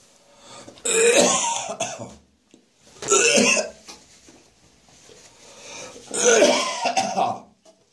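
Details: Adult's rough morning cough after a night of drinking beer: three harsh bursts of coughing with throaty gagging and retching, separated by quiet pauses; cough with gagging.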